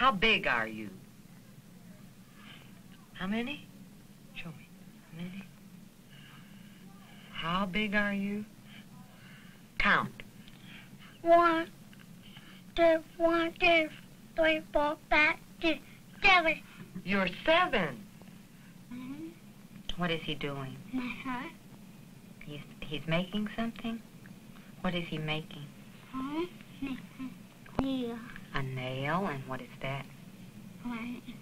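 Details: Child with hearing loss attending a summer speech clinic, learning lip reading and working on final sounds and the D and G sounds; speech of a child with hearing loss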